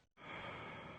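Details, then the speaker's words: Normal breath sounds on chest auscultation during a respiratory exam, patient taking deep breaths in and out with mouth open: deep open-mouth breathing. "careful not to ask the patient to take exaggerated breaths for a prolonged period as this may cause dizziness or even tetany"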